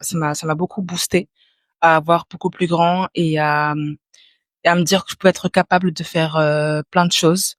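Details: Young adult French speaker who stutters or clutters, candidate in a 2024 eloquence contest for people who stutter: stuttering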